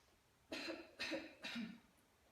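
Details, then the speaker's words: Three short, forceful voluntary coughs in quick succession in a quiet room, done after deep breaths in through the nose as a nursing coughing exercise, patient seated; voluntary cough. "13 nefes ten sonra Burnundan nefes alarak güçlü ve kesik kesik öksürmesinin söyler"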